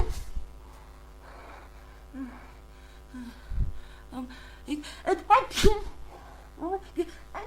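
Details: Huge sneezing fit, cause uncertain, cold or allergies: several sneezes in quick succession with gasping intakes between them.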